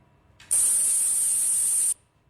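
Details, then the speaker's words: Tinnitus demonstration: a steady high-pitched hiss with a piercing ringing tone lasting about a second and a half, simulating ringing in the ears. "that's tinitus it's the ringing in your ears that affects one in five Australians"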